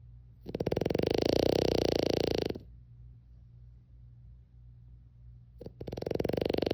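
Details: Heavy snoring from a sleeping French bulldog: loud, rough, fluttering snores, each lasting about two seconds, separated by a quiet exhale.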